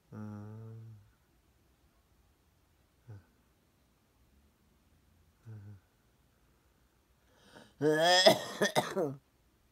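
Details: Cough from an ailing mother with a slight fever who became weak again and is taking cough and fever-reducing medication.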